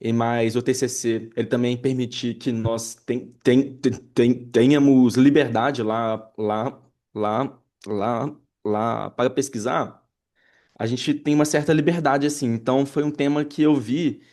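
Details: Adult man who stutters and has had speech therapy and psychotherapy since childhood, speaking with word and phrase repetitions; stuttering.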